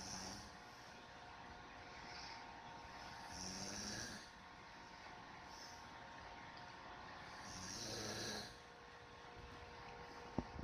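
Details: Soft, rough snores recurring over a steady background hum, about three every ten seconds; snoring.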